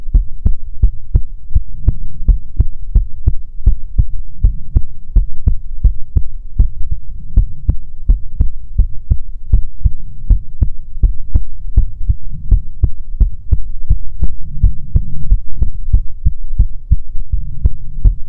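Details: Heartbeat recording for ASMR: steady, regular soft thumps, roughly 120 beats a minute, under a low hum; regular rhythm with no extra sounds.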